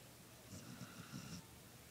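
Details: Dog named Callie fell asleep on the couch and snored very loudly: a brief low rattling snore with a faint hiss on the breath.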